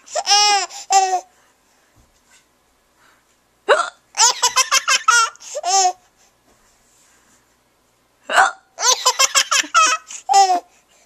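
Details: 6-month-old baby bursting into repeated giggling at his mother's hiccups, with brief sharp hiccup catches and quiet gaps between bouts; hiccups.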